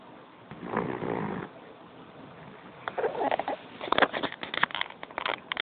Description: Okay so I was laying on the couch with my puppy one day and started to hear a lil something something... so I was like who the heck is that... and here it is.. my dog snoring.. it was soo cute..